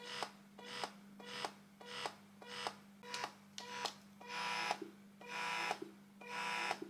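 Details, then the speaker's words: Hands-free wearable electric breast pump running, one of three compared (Momcozy S12, Wren, Elvie), described as neither quietest nor loudest: rhythmic mechanical whirring and beeping about once a second, lengthening later, over a steady hum. "I wouldn't really be bothered about the sound um they are not the quietest of the three but they're also not the loudest"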